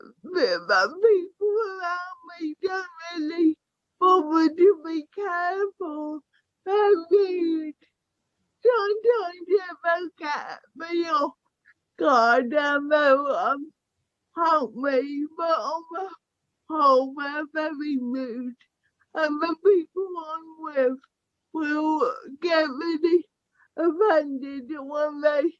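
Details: Young woman with cerebral palsy affecting her speech, walking, balance and motor skills; dysarthria (cerebral palsy).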